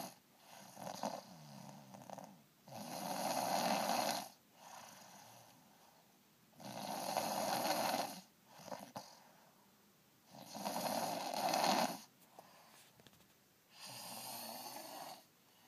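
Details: Snoring: loud rasping snores on each breath in, quieter breaths out, about 4 cycles in 15 seconds.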